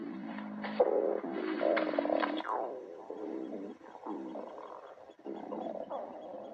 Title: Other GF stomach growling